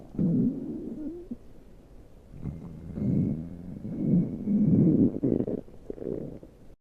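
Low, drawn-out growling and rumbling from the stomach in waves; ordinary stomach growling.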